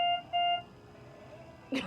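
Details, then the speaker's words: Two short clear electronic beeps, then quiet room noise: a bedside monitor alarm on a hospitalized trach patient whose oxygen saturation stays around 89–94%; the monitor alarms whenever it drops below 95. "like the machine that she's hooked up to, it alarms whenever she gets lower."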